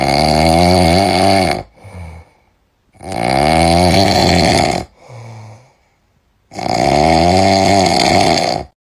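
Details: Snoring during sleep, possibly from a monkey (tagged monkey/animals): three loud, rattling, buzzy inspiratory snores, each about two seconds long, with softer breathy out-breaths between them, about 18 breaths a minute.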